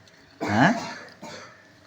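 A single voiced throat clear from an adult, followed by a fainter second clearing sound.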